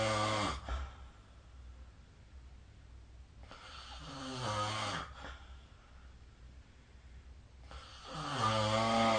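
Slow cycles of rumbling snores with soft breathing between them, about 14 breaths a minute; ordinary snoring during sleep.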